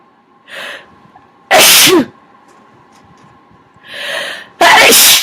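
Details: Person who says they are now sick with congested sinuses: nose-blowing and two sharp sneezes, each a quick indrawn breath then a loud explosive burst.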